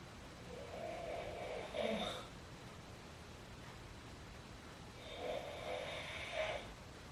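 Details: A father snoring in his sleep around midnight: two soft rattling snores on inhaling, several seconds apart, over steady room noise; ordinary sleep snoring.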